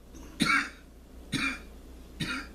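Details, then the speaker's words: Adult coughing after inhaling smoke from an herb burned in a cup, shown as a "healing cough": three short, harsh bursts in a quiet room, each with a throat-clearing quality. "bibler and the cough is the purify the mucus from the holy body from the Earth's the fire"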